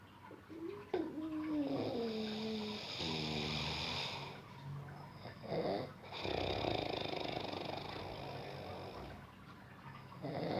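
Loud, rattling snores with a whistling, tonal edge on some breaths, heard in a small room during deep sleep.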